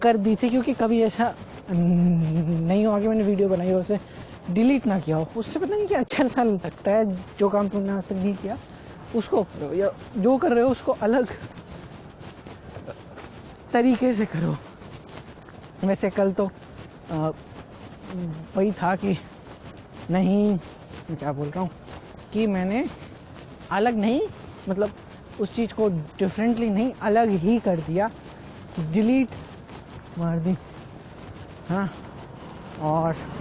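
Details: Man who stutters (stammers), speaking Hindi, doing daily speaking practice to see whether it changes his speech; stuttering.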